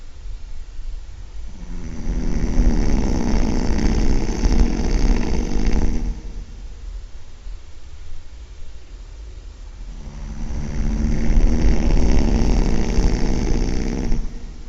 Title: Bad case of snoring.. really loud